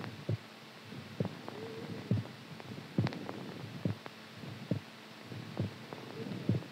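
Steady, regular low thumps at about 68 beats a minute over a faint background hum. Heartbeat.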